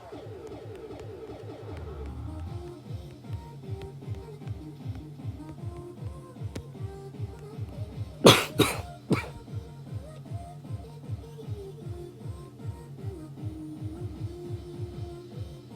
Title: Happy 400k @Lucky_sus :D also sorry for coughing T0T